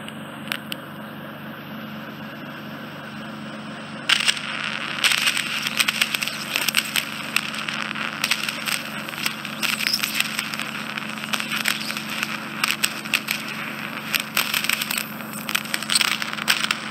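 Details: Endoscopic suction of a man's right ear canal occluded by dead skin and debris, smelly and infected, very narrow canal, fine instrument: hissing suction with intermittent crackling and gurgling as debris is drawn out.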